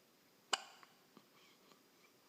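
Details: Hiccups: one sharp, brief hiccup click, then a few faint small catches in a quiet room.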